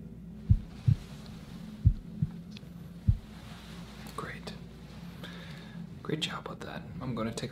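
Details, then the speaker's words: Simulated ASMR physical exam role-play (patient said to have fallen): a few soft, low heart thumps through an amplifying stethoscope with no murmur between them; normal heart sounds without murmur. "with the amplification i was able to hear that there's no murmurs would you like to take a listen it's really quite amazing what this can do"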